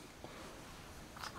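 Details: Single small, sharp infant sneeze during play, near the end of a quiet stretch with faint room noise.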